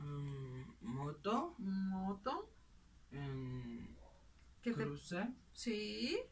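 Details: Simulated (acted) patient demonstrating Broca's aphasia, with great difficulty articulating short words, which finally come out, and difficulty joining words; Broca's aphasia.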